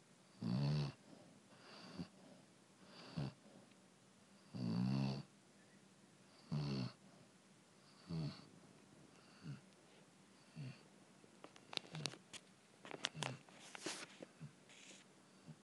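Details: Loud rhythmic low snores, about one every two seconds, fading toward the end with faint clicks, from a senior Chow Chow dog sleeping relaxed on his dog bed without running in his sleep; snoring.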